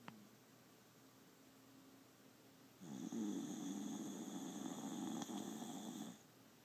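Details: Pet snoring while snoozing on owner's lap in an office: a soft fluttering snore during one long breath of about three seconds, with quiet room sound before it.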